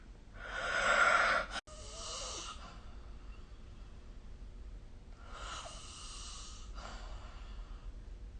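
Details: Snoring recorded with the SnoreLab app: loud, noisy sleep breaths in two cycles several seconds apart, each a rough inhaled rush followed by a softer breath out.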